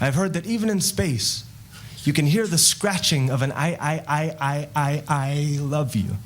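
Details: Stuttering with whole-word repetition in a male spoken-word poet whose stutter developed after his parents' divorce and who has practiced extensively to reduce it; repeated "I" during a performed line.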